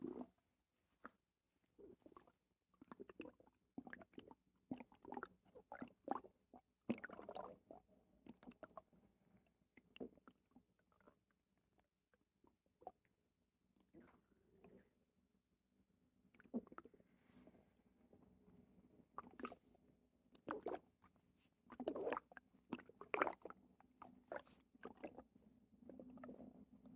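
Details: Loud, watery gurgling and rumbling bowel sounds in bursts with short quiet gaps, right after a bowel movement, like a water bed in the stomach; borborygmi.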